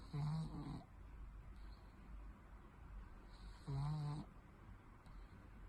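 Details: Sleeping cat: two low, rumbling snores a few seconds apart over quiet room hiss; snoring.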